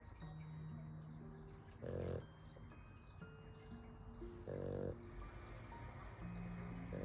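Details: American Bully (pocket bully) puppy snoring in soft, rough bursts every two to three seconds over background music.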